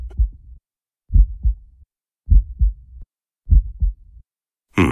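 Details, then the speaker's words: Heartbeat sound in an explanation of sudden cardiac arrest: four slow, regular lub-dub heartbeats, low thuds about 50 a minute, cut off by a brief noise at the end. "nuestro corazón es un músculo fuerte suministra sangre a todo el cuerpo a todos los órganos y células de la cabeza a los pies bombea durante toda la vida sin hacer una sola pausa"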